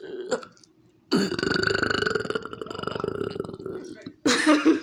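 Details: Man burping in the dark: a long, rumbling belch lasting about three seconds, with a brief exclamation before it and a short voiced sound after.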